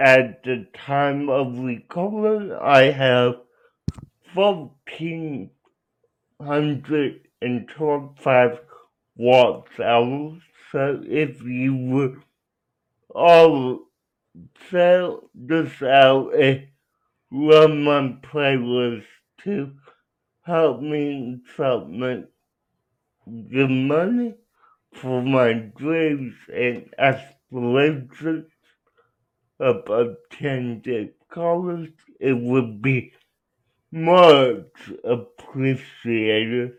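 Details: Adult man with cerebral palsy, real patient answering interview questions; dysarthria.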